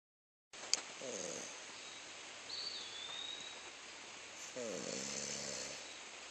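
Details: Man asleep and snoring while camping outdoors as a baby squirrel plays on him: two rough, rattling snores about three seconds apart over outdoor background noise.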